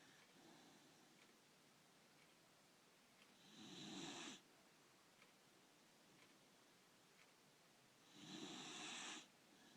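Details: Snoring during sleep: two long, hissing, rough breath noises about five seconds apart, about 12 a minute, over quiet room noise.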